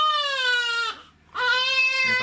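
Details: Loud, high-pitched, strained infant cry in two long bursts separated by a brief pause for breath, from a colicky baby girl during a chiropractic visit.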